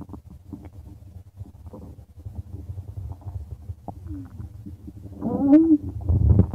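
Continuous low rumbling with bubbly gurgles and a few squeaky rising notes; active stomach growling.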